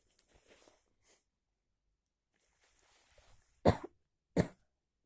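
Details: After walking in cold, heavy rain without an umbrella: soft breathy sounds, then two short explosive bursts, a pair of coughs or sneezes.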